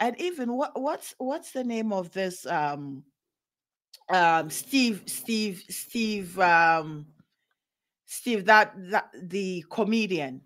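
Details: Adult man who has stuttered since age five or six, noticeable over extended conversation; word and phrase repetitions heard; stuttering.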